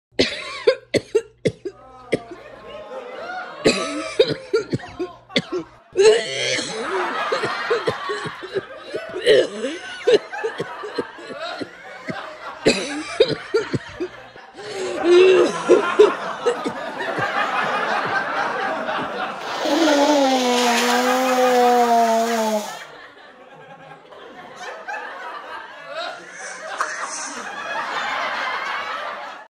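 Deliberate coughs and sneeze-like bursts from an adult, mixed with laughter and chatter.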